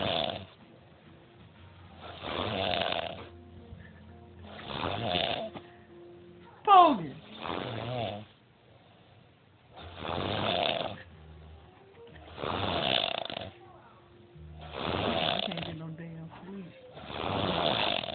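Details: Heavy snoring from a tired sleeper: loud, regular rattling snores about every 2.5 seconds, around 24 a minute, with a brief sharp noise midway.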